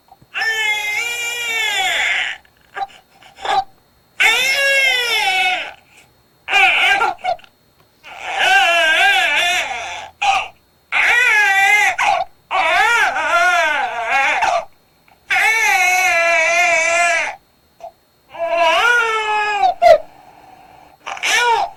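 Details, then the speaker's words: Tired, sleepy infant crying: drawn-out, wavering open 'ah' wails with short pauses, with the mouth opened wide as if yawning. "졸린 아기 들어봤습니다 이불 크게 벌리면서 소리는 아 하고냅니다"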